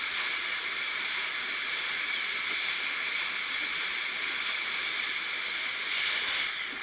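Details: Steady high-pitched whine and hiss of a high-speed dental handpiece with suction beneath, preparing tooth #18 for a gold onlay on a typodont in a simulation lab.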